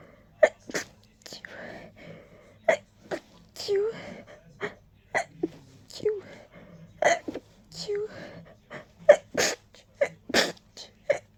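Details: Tickly nose: rapid bursts of many quick sneezes, some with brief voiced catches between them; a fit of repeated sneezing.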